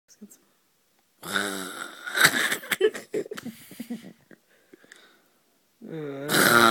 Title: When you just wanna sleep and can´t stop SNORING